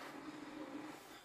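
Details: CPAP machine just switched on, used at night by an adult woman diagnosed with severe sleep apnea: brief steady mechanical hum with a faint whirring tone.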